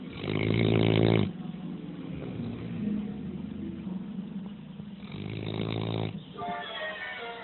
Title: Big dog passed out snoring